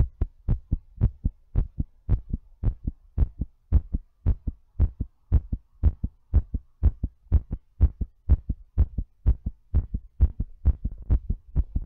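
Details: Strong, thumping heartbeat at about 120 beats a minute, somewhat irregular in spacing, recorded during breathplay; rapid heartbeat.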